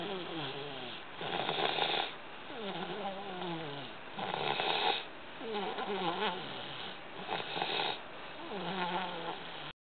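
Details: 13-month, 3-week-old toddler asleep in the car, very tired, snoring loudly: steady soft snoring with rough vibrating breaths in and out at about 20 breaths a minute.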